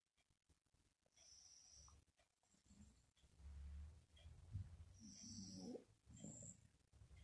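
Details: Mother snoring in her sleep again: repeated low, rough rumbling breaths, with snorting noises on some breaths.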